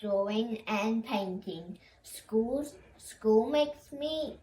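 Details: Child with childhood apraxia of speech who describes talking as tricky and says school is tiring because of the concentration speaking requires; speech of a child with childhood apraxia of speech.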